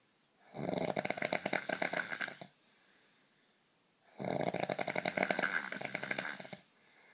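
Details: Snoring in sleep: two long, loud, rattling snores on the in-breath with a quiet pause between them.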